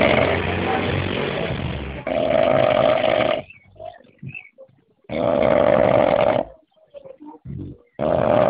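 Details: Loud, harsh, buzzing snores in long bursts, separated by short quiet gaps with faint small sounds; heavy snoring.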